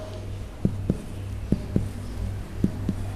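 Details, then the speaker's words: Three pairs of short, low, flat finger taps over the bare area of the heart in the fourth intercostal space, percussed from outside to inside, giving the normal impaired, dull note. "it is the area of the heart not covered by the lung so the normal note in this area is impaired or dumbest okay impaired note"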